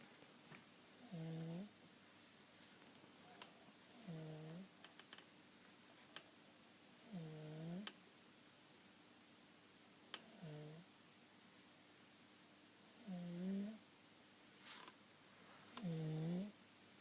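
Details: A sleeping child has continual inspiratory stridor: a harsh, musical, high-pitched noise on each breath in, about 22 breaths a minute.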